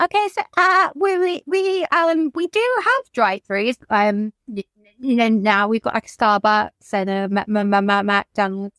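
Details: Adult woman whose childhood stammer recurred, brought on by lockdown, six months living alone, and the trauma of losing her mother to suicide; she reports blocking when asked about herself; stuttering.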